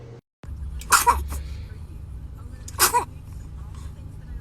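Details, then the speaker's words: Newborn baby: two small, sharp sneezes about two seconds apart over a steady background hum; an adult asks if baby was about to sneeze. "Oh goodness. Were you about to sneeze?"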